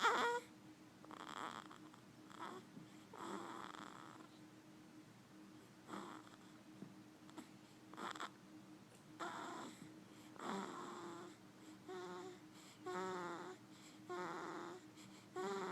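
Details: Soft, rhythmic snuffling snores with purr-like rattles from a sleeping two-week-old; snoring.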